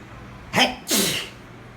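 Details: A single sneeze after a shower, part of a sneezing fit: a quick gasping intake, then a sharp explosive burst of air.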